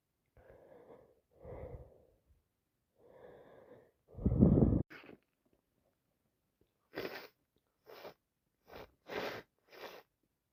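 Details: Two adults with flu: breathy inhalations and snorting bursts, then a run of five short, sharp sneezes in quick succession; repeated sneezing.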